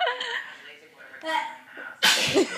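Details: Young girl sneezing during allergy season while doing a flexible contortion stretch: a short sharp sneeze after a brief build-up inhalation, with talk and laughter around it.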